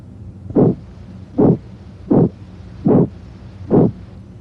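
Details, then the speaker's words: Abdominal bruit heard with stethoscope over renal arteries/aorta, as checked in hypertension: rhythmic whooshing bursts about 77 a minute with each pulse; raises suspicion of renal artery stenosis, though most bruits have other causes. "in a patient with hypertension a brwy raises suspicion of renal artery stenosis but most brewes have other causes"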